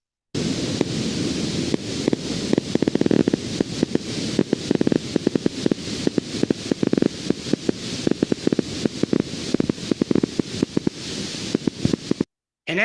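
Continuous irregular crackling sputter like fat in a frying pan from an EMG speaker; normal endplate spikes from a needle in the endplate zone.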